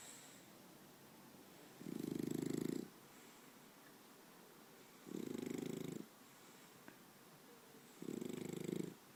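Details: Snoring in Paco, a French bulldog, as he falls asleep: three loud, rattling snores about three seconds apart over a quiet background.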